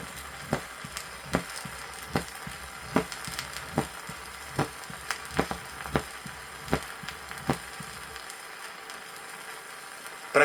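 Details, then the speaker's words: 1963 Soviet teaching record, auscultation at the apex in mitral stenosis: loud, sharp, snapping (clapping) first heart sound at about 75 beats per minute. "с митральным стенозом на верхушке определяется усиленный так называемый хлопающий первый тон"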